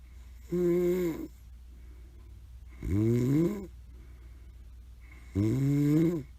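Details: Grandmother snoring: three loud, droning snores on the in-breath, about 24 breaths a minute, with quiet gaps and steady room hum; ordinary snoring.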